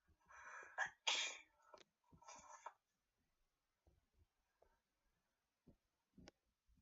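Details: Sneezing: two sharp, explosive sneeze bursts, followed by a few faint sniffs and breaths in a quiet room.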